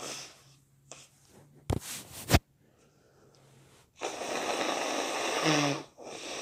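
A quick double burst followed by a long wet, hissing blast of air through the nose and mouth: a wet sneeze, with faint hum in the background.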